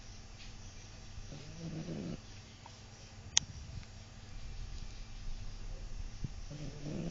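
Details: Sleeping dog snoring, described as like a horse: two rough, fluttering low rumbles about five seconds apart, each under a second, over quiet room noise.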